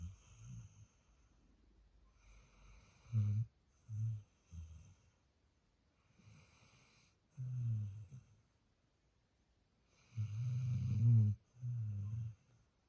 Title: Sleepy girl snoring.